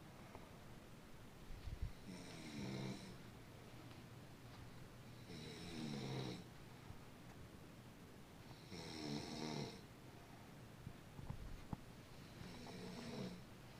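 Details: Four rhythmic rattling snores, about 18 a minute, each on the in-breath, with quiet breathing between; a baby snoring.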